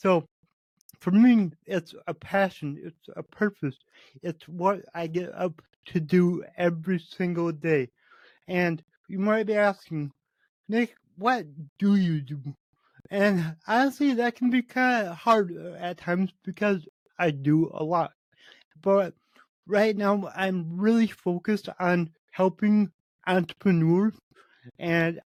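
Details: Adult man with cerebral palsy, which he says affects every muscle in his body; he reports his speech is much better than 8 months ago and improving as his health improves; dysarthria from cerebral palsy.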